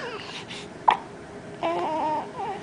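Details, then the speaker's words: Boy with hiccups on a Saturday morning, a frequent occurrence: a single sharp, abrupt hiccup amid soft babbling and a vocal sound from the child; hiccups. "hey everybody I got the hiccups"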